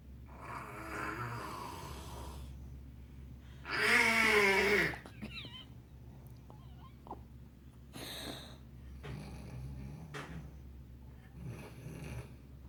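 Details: Soft snuffly breaths with one louder, whistling snore over a steady background hum, sounding like a cat; light snoring.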